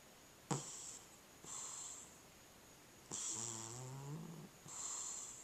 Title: Cat Snoring